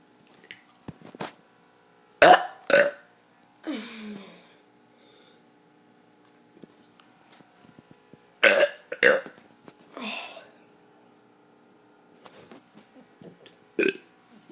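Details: Child doing deliberate burps: several short, loud voiced belches in separate groups, with quiet pauses between them.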